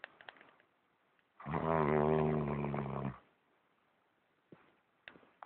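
One long, loud, rattling snore on an indrawn breath, with quiet breathing before and after; snoring.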